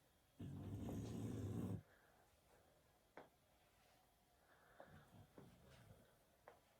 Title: Birdie snoring away **so cute**